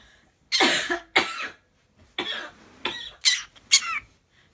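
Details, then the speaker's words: Parrot named Gru mimicking human coughs to summon his owner: six short, high-pitched, raspy cough-like bursts, imitated cough, not an illness. "so when you hear grow do this it's actually him calling for Sarah like hey come over here"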